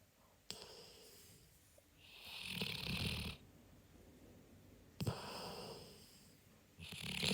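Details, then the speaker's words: Sleeping pet named Sage napping on the sofa, recorded without waking it, then rolling over: noisy breaths with a low rattly flutter and hissing edge, separated by quiet pauses; snoring. "セージと一緒にソファーで昼寝していたら、セージのいびきで起きましたボリュームを上げてセージのいびきを聞いて下さい"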